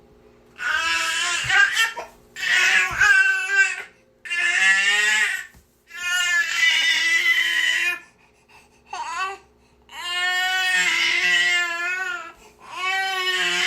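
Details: An infant niece crying nonstop in a small quiet room: repeated long, high-pitched wails separated by brief breaths, ordinary infant crying.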